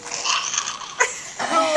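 Short, high-pitched, strained infant cry bursts with a noisy, breathy edge, ending in a clearer wail; an infant crying soon after breathing-tube removal.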